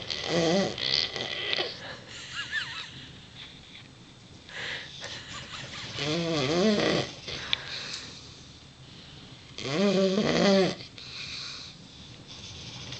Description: Tia the Neapolitan Mastiff and Ben the Dogue de Bordeaux snoring!